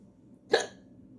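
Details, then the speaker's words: Single sharp, abrupt hiccup in a quiet room during a bout of hiccups while making dinner. The person says hiccups tend to trigger coughing and plans to try drinking something. "I do know I hate hiccups as usual and they always seem to trigger coughing for some reason I'm gonna try and drinking something"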